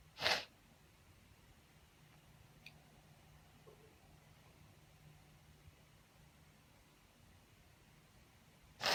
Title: Uncovered sneezes- unedited (F)